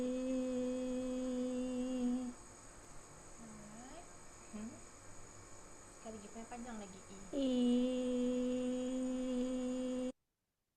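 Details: Vocal fold edema with hourglass closure in a female teacher with hoarseness, difficulty projecting and voice breaks; roughness grade 2 with strain; edema at the midpoint may progress to nodules; chronic laryngitis from postnasal drip.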